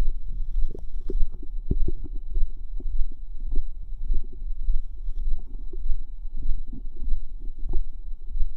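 Low gurgling, bubbling and squelching sounds come irregularly throughout, with faint background hum; active bowel sounds (borborygmi).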